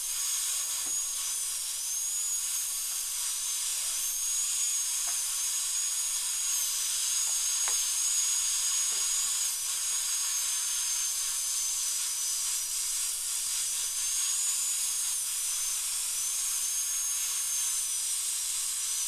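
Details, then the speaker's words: High-speed dental drill with 2 mm bur tracing out a large amalgam filling in upper second molar (tooth #2) under rubber dam for a crown: steady high-pitched whine with water-spray hiss, pitch dipping slightly as it cuts. "so now I'm going to go ahead and and just Trace literally just Trace out the amalgam and we know the depth of the spur is 2 mm"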